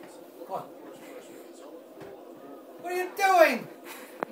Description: Dad got the hiccups.